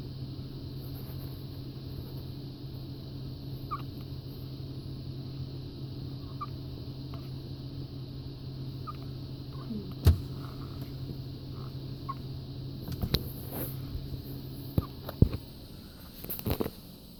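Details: Premature baby's hiccups: tiny, faint, squeaky hiccups heard over a steady low machine hum.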